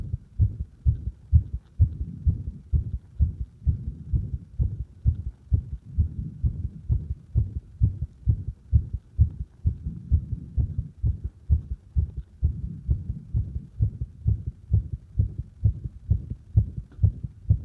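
Steady, regular low thumps through a stethoscope pressed firmly at the apex, about 65 beats a minute; normal heart sounds.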